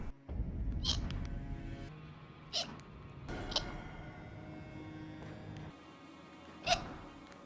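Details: Four short, sharp, involuntary gulping sounds spaced a couple of seconds apart over steady background game music, a run of hiccups during a gaming stream.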